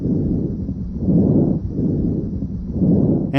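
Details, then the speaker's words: Soft, rushing breath sounds in even cycles heard over the main bronchi in a thorax and lung assessment demonstration: normal bronchovesicular breath sounds. "You should also hear bronchovesicular sounds over the main bronchi"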